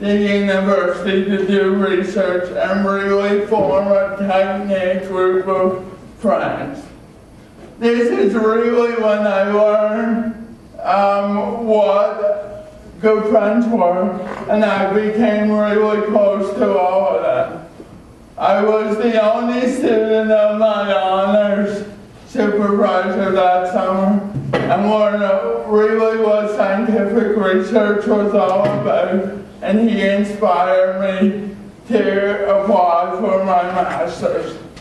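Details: Adult man with cerebral palsy from oxygen loss at birth (umbilical cord around throat), a type involving muscle stiffness and irregular movements, noticed around age 1, after extensive speech therapy: dysarthria (cerebral palsy).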